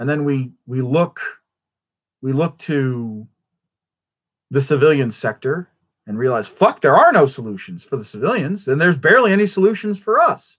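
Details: Stuttering in an adult male after a traumatic brain injury from a rollover car accident; he says he stutters constantly.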